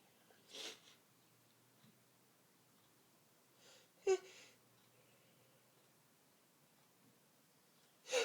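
Three forceful sneezes in a quiet room, with an audible inward catch of breath before the middle one.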